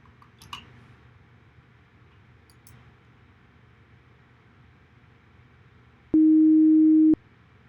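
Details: Student hearing test recording for a Human Computer Interaction project: faint room noise and clicks, then one steady pure tone lasting about a second; hearing test tone.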